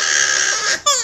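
A brief high-pitched wail with a short break and a falling second cry; an infant crying.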